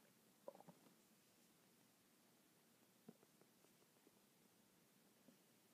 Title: my stomach making noises non-stop for 10 mins